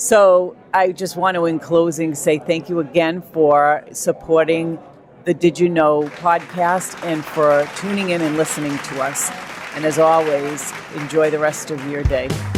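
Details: Adult speaker; normal speech.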